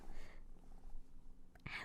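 A low, drawn-out rumble with soft bubbling gurgles in a quiet room, then a brief breathy sound: ordinary stomach growling from hunger.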